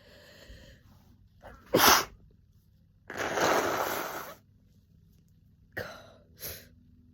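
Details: A person with a summer head cold, sneezing nonstop and messily, gives a loud sneeze, a long forceful wet exhalation, then two quick smaller sneezes. Repeated cold sneezing.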